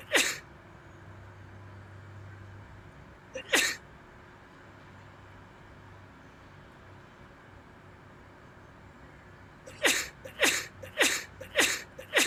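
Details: Comedy short of a person's sneezing attack as another keeps saying bless you: two single sneezes, then a rapid run of five sneezes in a row, with faint room noise.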